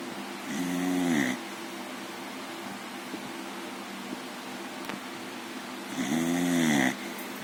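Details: Loud, rattling snores on two breaths about five seconds apart, with quiet pauses, from a sleeping 6-month-old female American Bully puppy who often snores: snoring.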